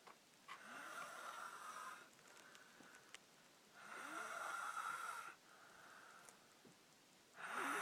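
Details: Haydn, in normal sleep with head cocked up, gives rhythmic rattling snores on each breath in, about 19 a minute, with quiet pauses between: ordinary snoring.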